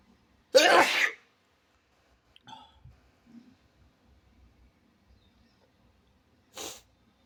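A single loud, sharp sneeze, then faint rustling and a brief soft breath sound.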